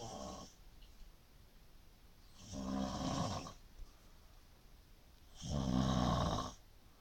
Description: she had no clue....that she was being filmed & that she actually snores!